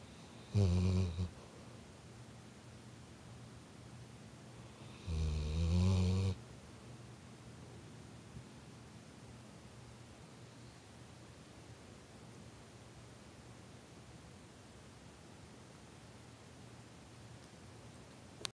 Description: Our dog "Shannon" Snores